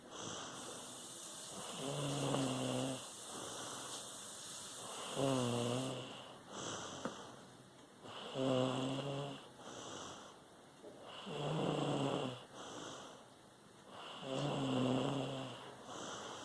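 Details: Snoring in a sleeping female, said to sound like her mother's snoring: loud rhythmic rattling snores on each breath, about 19 a minute, with faint room hum.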